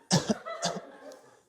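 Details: Cough from a performer during an improv performance.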